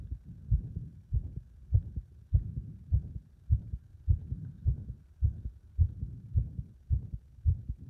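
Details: Heart that becomes unstable under compression: heartbeats about 100 a minute with uneven spacing between beats; an irregular rhythm.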